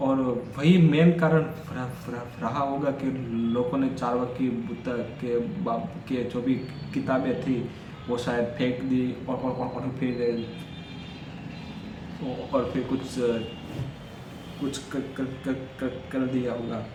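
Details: Stuttering in an adult male who stammers, Day 4 of his daily stammering practice routine, counting backwards from 100 as fast as he can.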